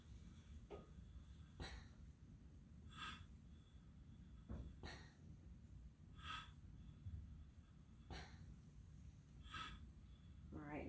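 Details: Servo-i ventilator in pressure control running an Open Lung Tool recruitment maneuver on pig lungs, PEEP stepped up from 15 to 18 to 20: regular cycles, a click and airflow about every 1.5 seconds.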